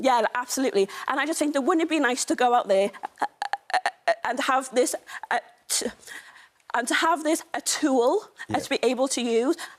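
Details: Stammer in a woman, a stammer campaigner.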